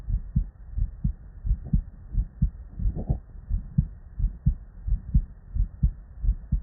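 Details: Real, unedited bedside human auscultation recording from patients with normal cardiac physiology: normal heart sounds, S1 and S2.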